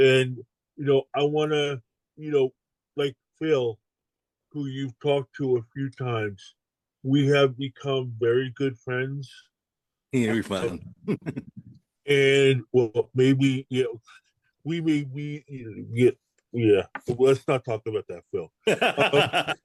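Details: Adult male stroke survivor with post-stroke aphasia, now an aphasia ambassador; aphasia.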